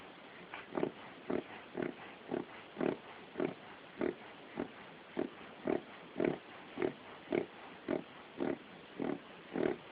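Rapid, regular, harsh snorting inhalations, about 107 a minute, in one continuous run; a reverse sneezing episode.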